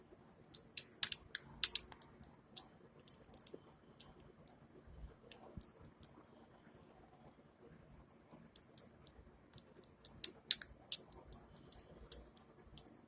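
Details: Female pet budgerigar regurgitating (vomiting): quiet, sharp, high-pitched clicks in irregular bursts that sound like a sneezing fit.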